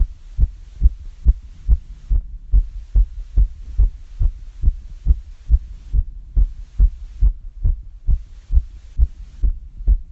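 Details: Fast heartbeat recorded after exercise climbing up and down stairs: quick, steady beats at about 140 per minute.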